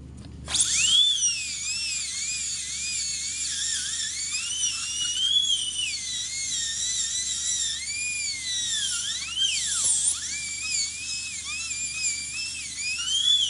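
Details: Dental handpiece working on a patient's plastic (plexi) denture being cleaned and adjusted: high-pitched drill whine rising and falling in pitch, with faint music in the background.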